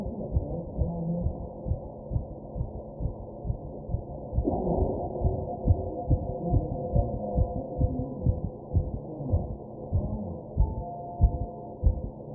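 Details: Own fast heartbeat recorded while taking deep breaths, with background noise: rapid, regular low thumps roughly 130 a minute with breathing.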